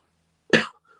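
A single short, harsh cough in a quiet room.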